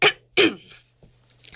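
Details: Adult woman with Tourette syndrome and OCD, whose vocal tics include yelping, animal noises, coughing and hiccup-like noises; vocal tic.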